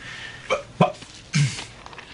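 Three abrupt, hiccup-like throat noises in quick succession, acted in a film scene: a simple vocal tic of Tourette syndrome.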